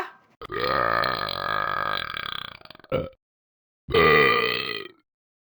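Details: Deliberate long burping attempt: two long, loud, rumbling belches, the first lasting over two seconds and breaking into a rattle at its end; burping.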